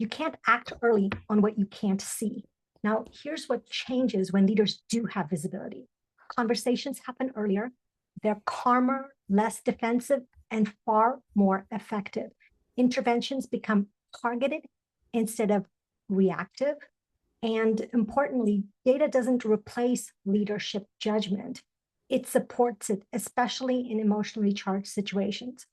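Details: Adult woman speaking; normal speech.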